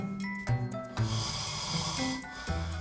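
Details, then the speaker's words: Adult man's loud, rough snoring during sleep, under background music, waking within two hours; polysomnography diagnosed severe obstructive sleep apnea, apnea-hypopnea index 51.75. "시작된 코고리 [음악] 이러다 숨 넘어가겠다 싶은 순간 두 시간도 안 돼서 [음악] 깨어납니다"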